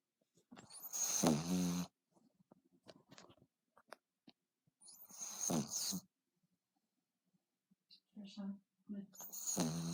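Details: Female pet dog asleep snores loudly in rhythmic rattling bursts, about three per ten seconds, with quiet breathing between, audible from across the room; snoring.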